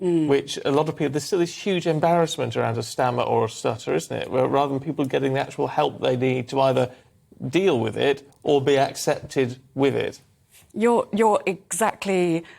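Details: Adult speaker (presenter); normal fluent speech.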